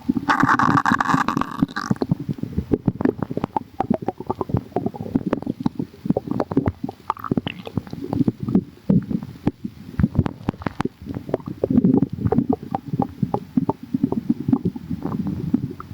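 Continuous low gurgling and bubbling with frequent pops, ordinary active stomach rumbling.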